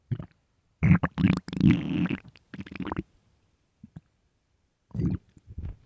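Bursts of low gurgling and rumbling with brief gaps: loud stomach growling from hunger, a normal bowel sound.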